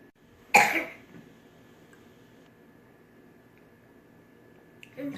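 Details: Adult who has been coughing all day: one sharp, harsh cough followed by quiet room noise with a faint steady hum.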